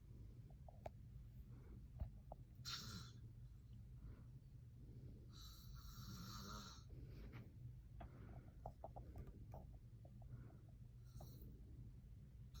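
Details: Low, rough, rumbling breaths with a few louder snorts from an adult man (father) snoring while asleep; faint room noise.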